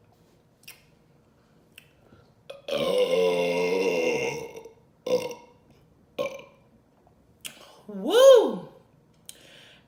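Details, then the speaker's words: After a full meal of KFC chicken and waffles with Coca-Cola: a long, loud, drawn-out belch, then several shorter burps and a rising-and-falling voiced burp in a quiet room. "you have you guys I'm super full big burps I had coca-cola and I am super excited"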